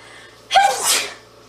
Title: Cute Girl Sneezing 39